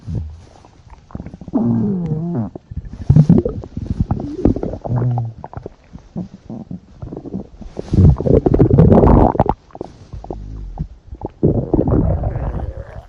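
Gurgling, rumbling bowel sounds with bubbly, squeaky runs, typical of normal stomach growling.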